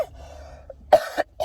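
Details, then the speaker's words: Two short, harsh coughs after a soft throat-clear in a quiet room, from an adult sick with a cough after a hard night; cough from recent illness. "I have this cough and um I have this cough um from being from being sick. Um hence you can hear it."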